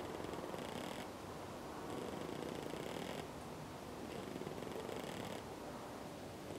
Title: Snoring pigeon